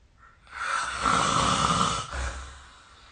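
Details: Snoring during sleep recorded with the SnoreLab app on 2025/03/26: a single loud, harsh snore on an in-breath lasting over a second, then a softer breath out.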